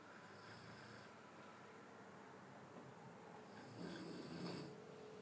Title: snoring sound clip 2 mns